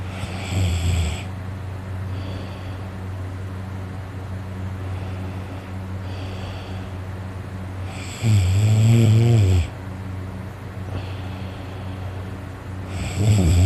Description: Hi everyone this is me so very tired sleeping and snoring my head off! I needed some sleep bad! I was extremely tired my throat is sore from how much I was snoring.